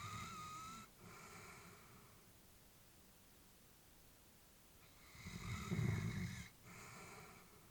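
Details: Elderly female Labrador sleeping, while her family was worried about her: quiet, soft snoring breaths with a gentle rasp; snoring during sleep.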